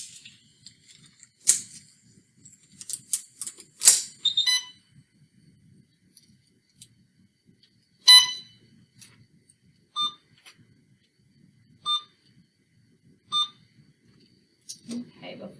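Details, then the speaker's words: IV infusion pump powering on before running 500 mL normal saline through a patient's IV in a nursing demonstration; sharp electronic beeps with a few brief handling clicks in a quiet room. "there will be a couple loud beeps as this machine turns on this is the iv pump that helps push the medicine in at the right"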